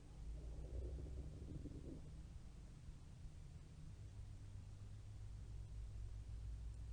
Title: Babs Bunny's stomach growling